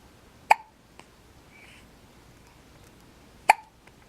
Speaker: This little man has the hiccups. And let's see, he is 4 days old.